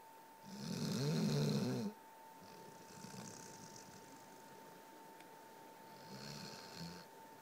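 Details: Loud rattling snore on one breath, then quieter rough breaths, over a steady background hum; dog snoring.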